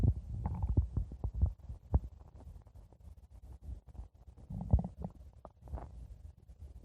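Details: Stomach growling: deep, irregular gurgling and rumbling with bubbling pops in bursts, ordinary bowel sounds.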